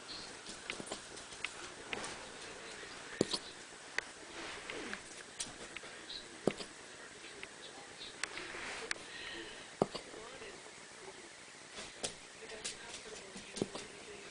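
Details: A small pet that seems to get hiccups every time she eats: sharp, brief click-like hiccups repeating every one to two seconds.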